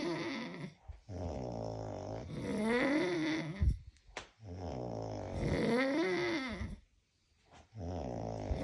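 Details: Two friends at a sleepover, tagged as drunk, snoring in sync: loud, rough snores with a rising-falling pitch, roughly 20 a minute, overlapping.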